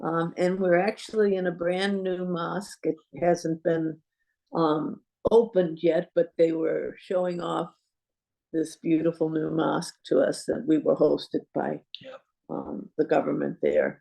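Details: Adult woman speaking; normal speech.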